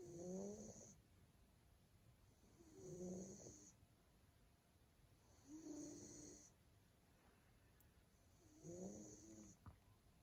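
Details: Male Maine Coon cat snoring in deep sleep: soft, regular purring snores, about 22 breaths a minute, with a faint hiss on each breath.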